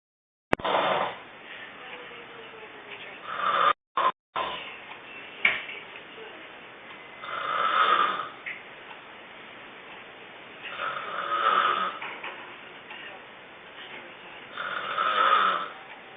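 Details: Snoring in sleep: rough, rattling breathing noises recurring about every four seconds, roughly 15 a minute, with a few brief knocks.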